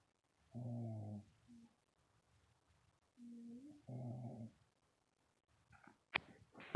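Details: Sleeping dog, two low rumbling snores with soft whimpering noises between them; snoring.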